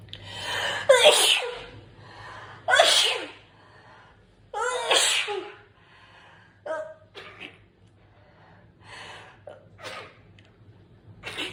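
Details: Sneezing attack with nose blowing and a little coughing: three loud sneezes, each preceded by a sharp inhalation, then softer sniffs and breaths; repeated sneezing.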